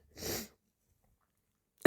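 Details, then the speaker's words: A single brief, wet, spraying sneeze that the person tried to hold back with a tissue, possibly allergy-related, followed by silence; sneezing. "That was so wet. That was such a mess."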